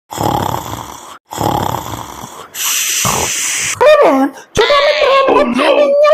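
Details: Loud, rasping snores followed by squeaky whistling sounds, an acted comedic imitation of a father's heavy snoring at night.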